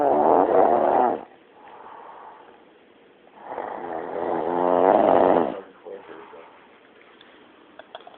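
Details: Tired woman snoring loudly: two loud, rough, rattling snores separated by quieter breathing, with faint background music.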